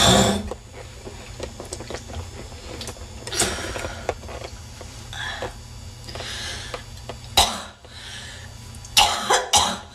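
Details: Repeated harsh, wet coughs with throat clearing and hawking of phlegm from a woman (suspected smoker) in a coughing attack; congested, productive cough over low background noise.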